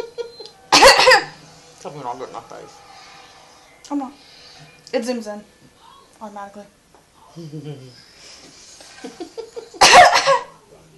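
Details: Two sharp, forced coughs faked by a mother, with her baby's giggles and babble between them; voluntary fake cough.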